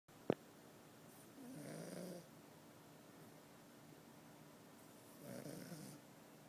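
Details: Pug snoring in the morning: two soft, fluttering snores a few seconds apart from a small flat-faced dog, with a faint room hum.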